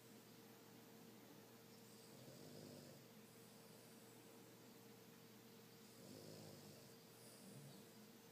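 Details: Sleeping Boston dog, apparently dreaming, giving soft repeated rasping snores with faint snuffles over room hum; very loud in person but poorly captured by the phone; snoring.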